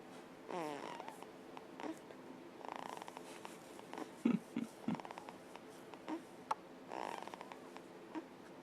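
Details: Soft, rumbling snore-like noises with each breath from an infant asleep in her bassinet at 6 a.m. in a quiet room; infant snoring.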